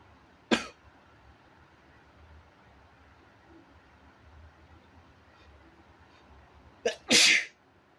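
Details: Deliberately induced sneezes recorded at home: one sharp sneeze burst, a quick catch, then a second forceful sneeze in a quiet room; ordinary sneezing.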